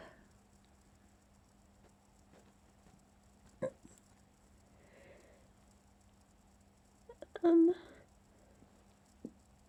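A stifled, muffled sneeze with a short catch of breath beforehand, over a steady low room hum.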